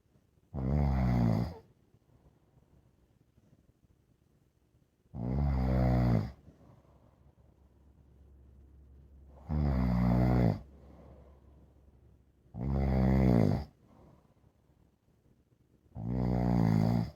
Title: I don't mind my dog snoring. They can snore all they want. Dog snores are the best to listen to.